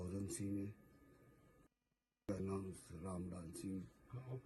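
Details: Voice after partial arytenoidectomy for bilateral vocal cord abductor palsy, membranous vocal cord preserved: post-surgical voice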